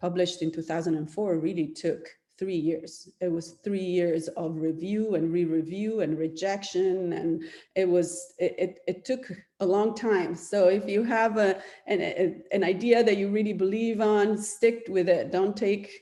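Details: Adult woman speaking (lecture); normal speech.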